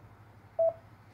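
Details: Patient monitor pulse oximeter with index or middle finger inserted, reading SpO2 100% and heart rate around 93–96: one short steady electronic pulse beep over faint room hum; pulse oximetry beep.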